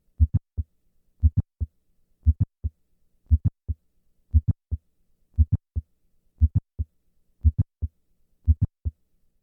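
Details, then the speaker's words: Simulated mitral valve prolapse at about 58 per minute, murmur removed: S1, mid-systolic click, S2. S1–click interval is 140 ms standing and lengthens to 200 ms on squatting as the click moves later. "I will start in the standing position where the interval between S1 and the click is 140 milliseconds and then move to a squatting position where this interval is 200 milliseconds standing"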